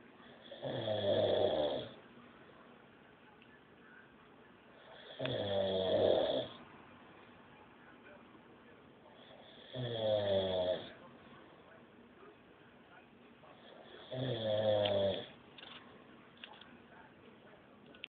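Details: Man snoring while asleep on a couch: four loud, rattling snores at regular intervals, about 13 breaths a minute, with quiet pauses between; ordinary sleep snoring.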